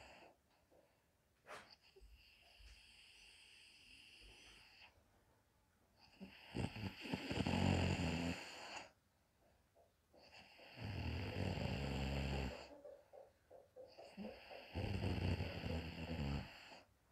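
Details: Mother napping comfortably in the daytime: loud, rough snoring on each breath in, about 4 breaths a minute, with quiet stretches between; ordinary snoring during sleep.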